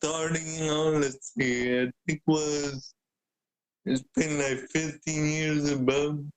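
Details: Adult man with cerebral palsy present since birth, a wheelchair user who describes mainly physical limitations; speaking is noted as hard for him. Dysarthria (cerebral palsy).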